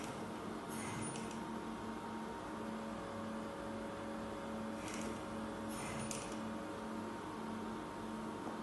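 Steady machine hum with faint tones and brief bursts of airflow hiss from an ICU ventilator running.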